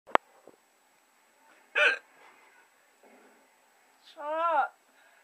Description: making fun of my girlfriend for hiccuping.